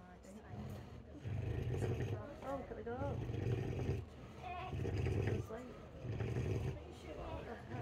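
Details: Sleeping boar snoring: deep, rumbling snores in a steady rhythm, roughly forty a minute, with brief squeaky snuffles between them.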